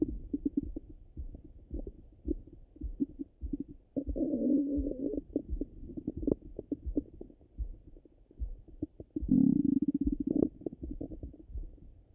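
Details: Stomach sounds through a stethoscope, either hungry or full: gurgles, clicks and longer rumbling runs of gut activity; ordinary bowel sounds.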